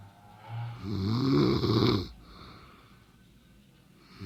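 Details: Woman sleeping in bed: a single loud, rough inhaled snore rattles for about a second, then fades into soft breathing in a quiet room; snoring.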